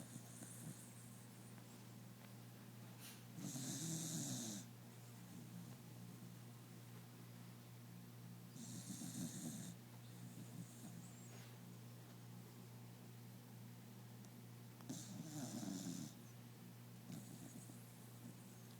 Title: My dog snoring